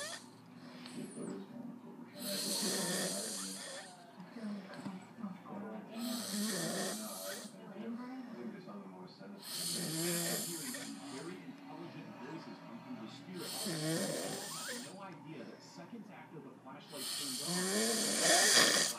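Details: Adult man (a father) snoring: loud, rough snores on each breath in, about four breaths a minute.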